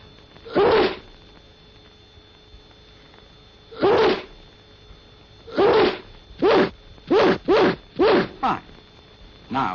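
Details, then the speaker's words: Eight short, sharp explosive sneezes, widely spaced at first and then rapid, from an instructional film on coughs and sneezes showing how to sneeze into a handkerchief. "close your eyes now handkerchief sneeze sneeze see what i mean that's the idea"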